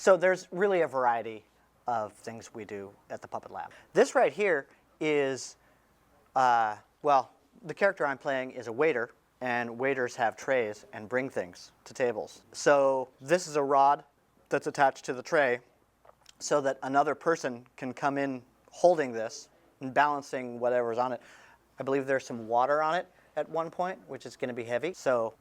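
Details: Adult speaker; Normal speech.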